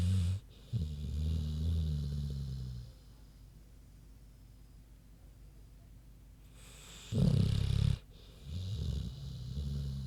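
Low rumbling snores from a sleeping pig, in two long bursts with a short snort between; ordinary sleep snoring.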